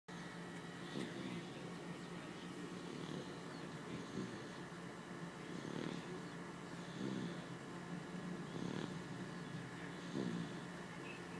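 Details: Soft, regular snoring about 40 a minute over a steady background hum; snoring.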